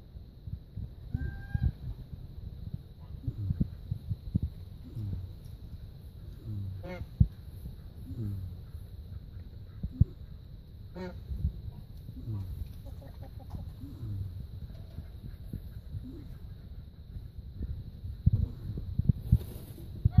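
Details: Goat snoring while asleep: soft, low honking snores repeating steadily, with a faint constant whine in the background.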